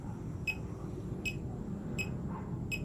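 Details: Fingertip pulse oximeter on a person's finger reading about 79 to 86 bpm, compared against a smartwatch: short regular electronic beeps about 80 a minute over room noise, one for each heartbeat; pulse oximeter pulse beeps.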